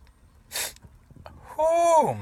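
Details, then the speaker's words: Sharp inward breath and burst of an adult man's sneeze, then a short voiced exclamation; sixth sneeze in a row. "lord six in a row that was pretty good that's pretty good six are out"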